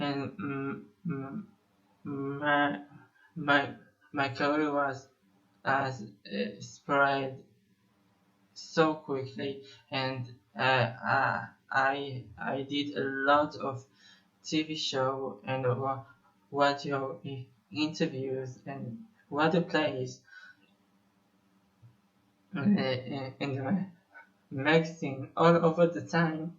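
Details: Stuttering in a 25-year-old male Israeli musician who describes himself as having stuttered for almost 21 years.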